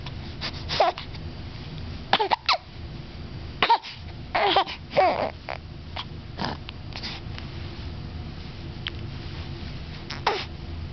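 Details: 7-week-old infant: brief, sharp, repeated catches, about nine in eleven seconds, with faint small vocal sounds and quiet room noise; infant hiccups.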